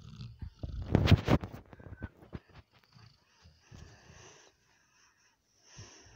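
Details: American bulldog Zak, male, in a deep sleep: low, rumbling snorts loudest early on, then softer breathy snores separated by short pauses; snoring.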